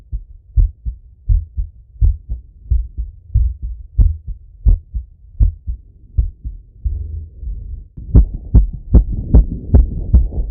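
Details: A man's own heart auscultated with a stethoscope after a set of workout exercise: normal heart sounds after exercise.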